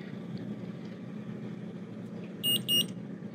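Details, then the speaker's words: Omnipod 5 insulin pump pod being filled with insulin during first setup, guided by the PDM: two short high confirmation beeps over quiet room noise signal that filling is complete. "thankfully the PDM will walk you through pod setup so if you get out of your training and you forget all about how to set up a pod then it is super duper easy and it will give you step-by-step instructions so that's exciting bill with our insulin and listen for two beeps"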